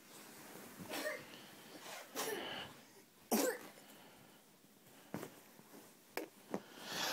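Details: 1-year-old boy coughing while playing on a slide: several short, harsh coughs with quieter breathing and room noise between.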